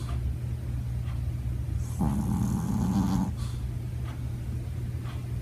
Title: Snoring dog